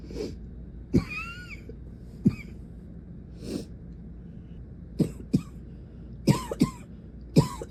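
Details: Adult woman in a never-ending nighttime coughing attack with her face pressed into a pillow: about seven sharp, harsh coughs in under eight seconds, some in quick pairs, with brief breaths between.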